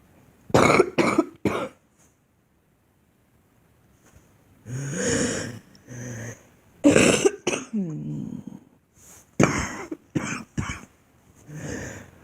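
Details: Girl's deliberate, acted coughing, not illness: several bursts of forced coughs with throat clearing, separated by pauses.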